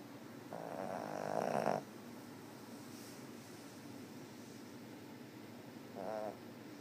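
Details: Two rattling snores on the in-breath, one long and one short, separated by quiet breathing against low room noise: snoring.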